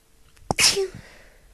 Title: Powerful Sneezes!